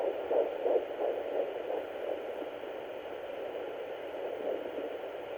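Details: A fetal heartbeat at 8 weeks 5 days, found after first picking up the mother's own pulse: rapid, soft whooshing beats at about 175 a minute through steady hiss, much faster than hers.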